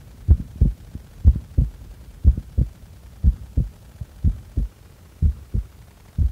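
Steady, regular paired heartbeats at about 60 a minute with no breath noise, recorded while the breath is held. These are normal heart sounds.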